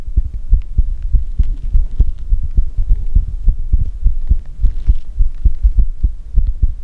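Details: Heartbeat ASMR recording: steady low thumping heartbeat at roughly 100 beats a minute with a soft hum underneath; normal heartbeat.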